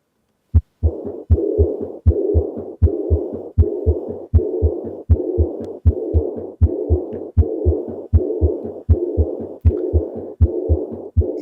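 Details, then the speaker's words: Heart sounds made with an electronic simulator, about 79 a minute, with a soft sucking rather than blowing diastolic sound after each second sound: diastolic murmur of aortic regurgitation. "is not like what we would expect and the sound is more blowing rather than uh um sorry is more sucking rather than blowing because it it sounds like this."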